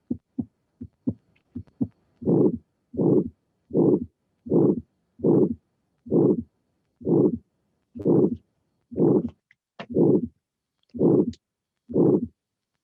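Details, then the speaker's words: Severe aortic stenosis: teaching recording with a regular, harsh systolic ejection murmur at about 70 beats a minute, its maximum intensity late toward end-systole. "so this is a very typical finding we have a murmur with maximum intensity through the end so it means that the stenosis is important is severe"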